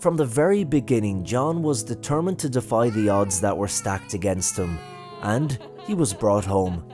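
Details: Adult male narrator; normal speech.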